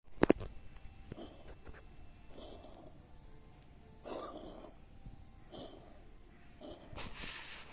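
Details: Canadian sphynx cat coughing for half a year; treated for bronchitis and worms, heart ultrasound and lung X-ray normal, latest diagnosis bronchial asthma, inhaler not helping: a run of short, harsh, dry coughs and hacking breaths.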